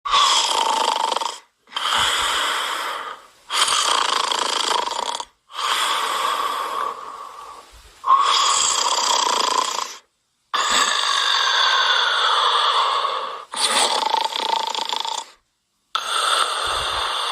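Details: Simulated snoring: a cartoon sound effect of loud, drawn-out rasping snores, about eight in a row with brief pauses.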